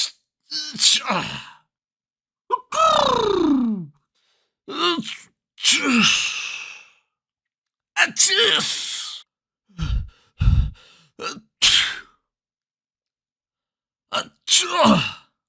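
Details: A series of about nine separate human sneezes in varied styles, some with a drawn-in breath before the burst, from a sneeze sound library.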